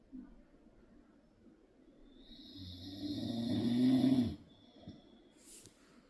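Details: A dad sleeping: a single long, rising, rattling inhaled snore builds over about two seconds, then stops abruptly, with quiet room noise around it. Snoring.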